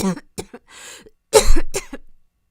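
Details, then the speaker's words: Acted portrayal of a girl's persistent cough, worse at night, with a hoarse, raw throat and pneumonia and asthma tests reportedly normal: a few short coughs with throat clearing and a harsh breathy burst. "그러게 귀침이 점점 심해져서 진짜 미치겠다 기침 때문에 목 진짜 너무 많이 상했어"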